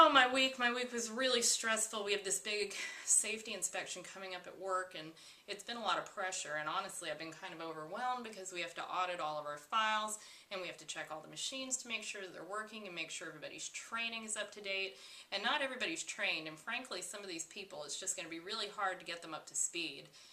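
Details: Acted demonstration of pressured speech: accelerated, excessive, hard-to-interrupt talking; presented as common in anxiety and manic states of bipolar disorder.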